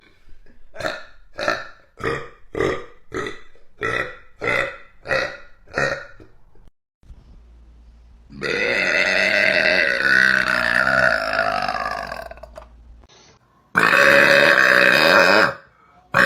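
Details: Girl burping: a rapid run of about nine short, regular burps, then two long, loud drawn-out belches; burping.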